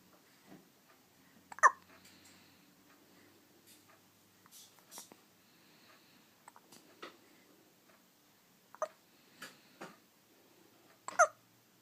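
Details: Baby daughter: short, abrupt little catches of breath recurring every second or few seconds among quiet baby sounds; infant hiccups.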